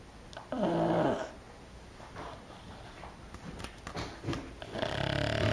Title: Otis- The Loudest Snoring Pug Ever!